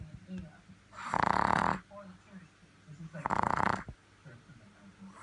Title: Snoring Pug